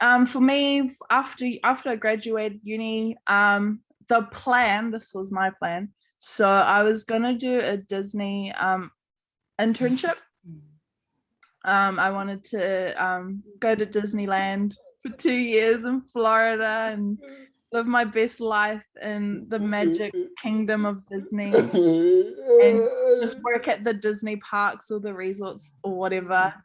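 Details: Adult woman speaking; typical speech.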